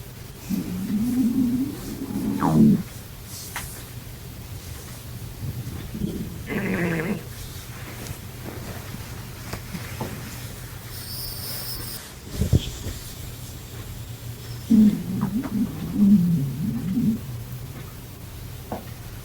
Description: This girl hasn't ate in 3 days and her stomach is very hungry